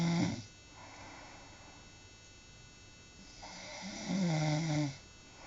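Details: Two loud, rough, rattling snores, each followed by a quiet pause, in a small room; a person snoring in their sleep while a sibling films it.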